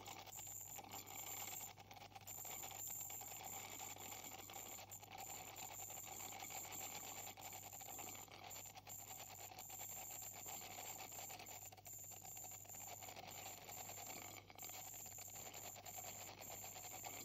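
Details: Ultrasonic scaler cleaning the teeth of a patient with significant plaque and tartar buildup and possible gingival inflammation: a steady high whine, hissing water spray and scraping against the teeth.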